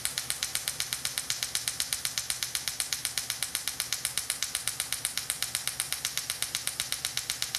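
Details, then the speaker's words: Cyton erbium laser sculpting remaining facial lines after CO2 laser, female patient, skin resurfacing: rapid, very regular crisp snapping pulses, about 240 per minute, laser pulsing. "Now I'm going to use the Cyton Erbium. This is my sculpting tool, so I sculpt away the remaining lines."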